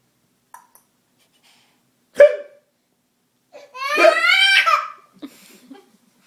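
A sudden, abrupt hiccup-like gulp, then a burst of giggling and a few small sounds; a single hiccup amid laughter.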